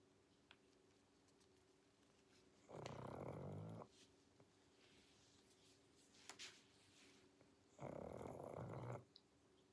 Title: | SLEEPING WITH A PUG | Pangpang the Pug 2021 pug sounds, snoring and snorts |